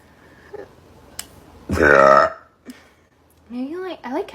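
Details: Girl gives one loud, drawn-out voiced burp of about half a second, followed by brief speech; burping.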